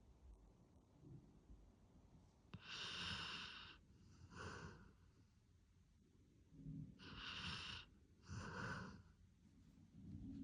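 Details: Snoring during sleep: hissing, snorting breaths in pairs with quiet pauses between, noisy airflow through the nose.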